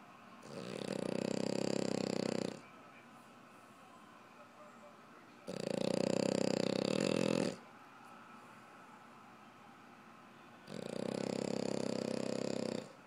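Three loud, rasping snores about two seconds long, roughly five seconds apart, near 12 breaths a minute, with quiet exhalations between. Snoring.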